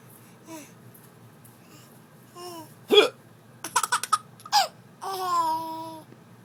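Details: An infant's sharp, abrupt hiccup bursts among babbling and laughter, the infant finding the hiccups funny: ordinary hiccups.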